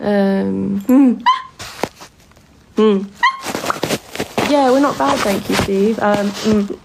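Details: Vocal tics in a person with Tourette syndrome, making tic noises while awake during a live stream; also reports twitching a lot and grinding teeth during sleep.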